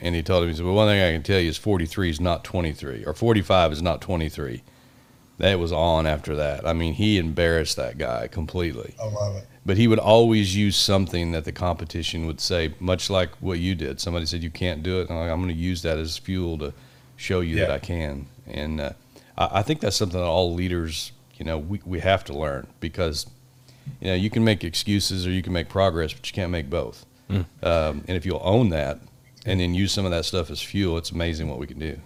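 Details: Adult man; typical speech.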